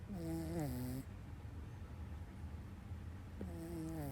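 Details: A dog snoring: two loud, tonal, rattling snores about three seconds apart, with quiet breathing between.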